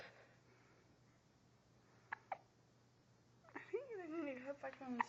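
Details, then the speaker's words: Boy who visibly shakes with hiccups: two quick, sharp hiccups in a quiet room, then a fussy whimper; hiccups. "Right, come look at how much he shakes when he has the hiccups."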